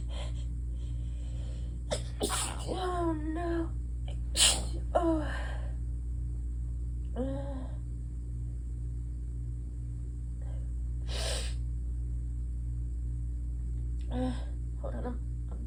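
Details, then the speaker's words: Person with a stuffy, tickling nose trying to hold back and stifle sneezes: a few sharp sneezes with gasping breaths and brief voiced sounds over a steady low hum of room noise. "So it's less of a burn right now, more of just like a really bad tickle, which is honestly worse. A burn is easier to ignore, whereas this feels like a bunch of like little tiny feathers in my nose."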